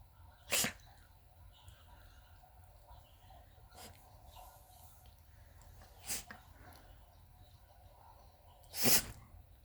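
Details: 17-year-old Lhasa Apso/Maltese dog sneezing constantly due to dental disease: three short, sharp sneezes spaced a few seconds apart over low room noise.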